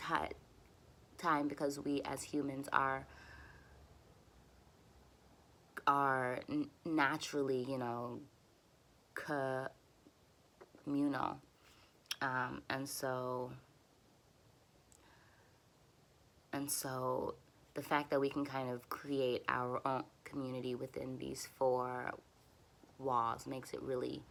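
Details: Adult woman who stutters, using easy onsets, light contacts and voluntary stuttering for nearly fluent speech; she notes her stutters lengthen when frustrated and tense — stuttering.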